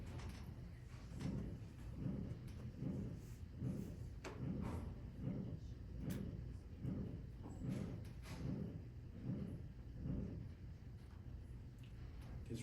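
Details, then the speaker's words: Aortic stenosis teaching example: regular heartbeat near 75 per minute with a harsh systolic crescendo-decrescendo murmur, loud then decreasing; aortic stenosis linked to narrow pulse pressure. "real loud, high intensity and then it decreases. A systolic crescendo decresendo type of murmur. High intensity to low intensity during cy."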